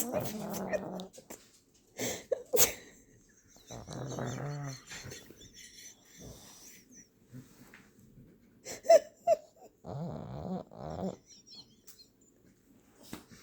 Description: Our little Pug Ruby was so relaxed and snoring away in my arms.